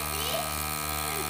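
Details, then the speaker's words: Battery-operated baby nasal aspirator with three suction settings, tip inserted in a congested baby's nostril to suck out mucus at the press of a button; steady buzzing motor hum of the electric nasal aspirator running. "simply insert the tip of the watault nasal aspirator into the nostril and suck up snot with the press of a button"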